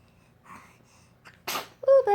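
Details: Baby sneezing: a small quick inhale, then a brief sharp sneeze, followed by the baby's voiced babbling.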